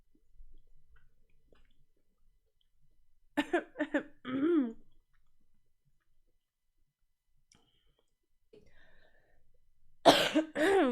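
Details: Coughing compilation of a streamer who says they cough a lot: a short burst of three quick coughs, then a later harsh cough with a voiced edge, in a quiet room.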